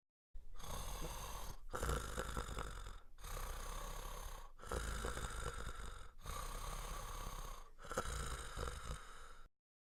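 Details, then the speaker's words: A coarse, irregular, low oropharyngeal snoring-type noise on both inspiration and expiration, often audible without a stethoscope, with causes such as the tongue falling back after a seizure or a foreign body; stertor. "tarter qui est un bruit oropharyngée irrégulier audible aux deux temps respiratoires et le plus souvent sans stéthoscope c'est un son un type de ronflements"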